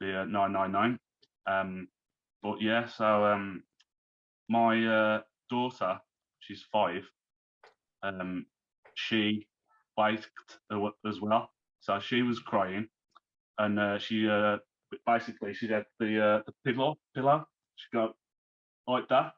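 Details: Man, 34, who had a stroke at 33 about three months earlier, lost speech, reading and writing, and is recovering; speech is worse when tired; aphasia after stroke.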